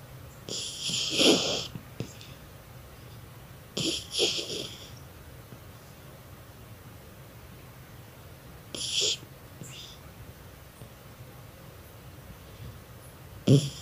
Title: Chuchay the lazy dog that snores too loud